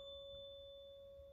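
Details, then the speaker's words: A 512 Hz tuning fork, struck on the knee rather than a hard surface to avoid overtones, gives a steady pure ringing tone as the stimulus for Weber and Rinne hearing tests. "you don't want to strike the tuning fork on a hard object such as a table because that can damage the tuning fork and it can produce overtones which can affect the test results"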